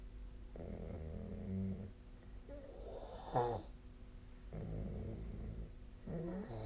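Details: Snoring during sleep: rough vibrating snores on each breath in, quieter breathing between, faint steady hum.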